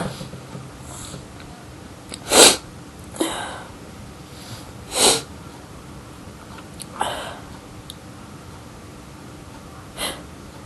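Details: A loud sneezing fit: a long run of sharp, explosive sneezes in quick succession, several preceded by small build-up inhalations.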